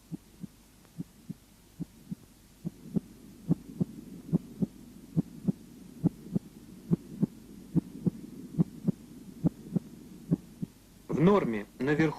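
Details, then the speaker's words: Heart auscultation at the apex: regular normal heartbeat about 70 a minute, first sound louder than the second, as normal at the apex. "первый тон громче 2 1 систолический тон состоит из нескольких компонентов клапанного мышечного и сосудистого"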